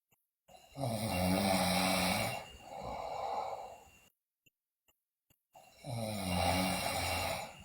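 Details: Loud, harsh snores on breathing in, each followed by a noisy breath out, with brief silent gaps, from a sleeping girl also described with bruxism and delirium; loud snoring.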